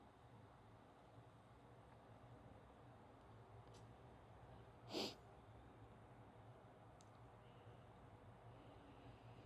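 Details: A single brief sneeze from a female in a quiet room with faint background hiss.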